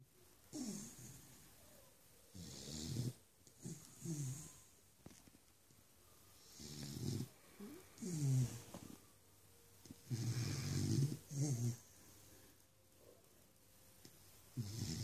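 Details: Dog Curly moving as if dancing and snoring in his sleep: irregular low, fluttering snorts and snores in short bursts with pauses, plus soft snuffling sounds.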